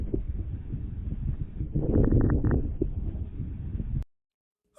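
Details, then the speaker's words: Fine irregular popping crackles over low breath noise in a dyspneic dog with cardiogenic pulmonary edema from left-sided congestive heart failure, most often heard over the caudodorsal lung lobes; pulmonary crackles. "Agora vamos ouvir o som típico do edema pulmonar, um som chamado crepitação, que é mais comumente evidenciado na região caldo dorsal de lobos pulmonares."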